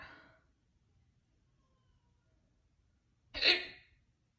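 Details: Super loud hiccups after soup and then a lot of crackers: two abrupt, loud gulping bursts a few seconds apart in a quiet room.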